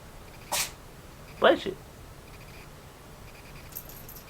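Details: A single short, sharp sneeze from a pet cat, followed by a softer burst, in a quiet room while playing with a rattle ball.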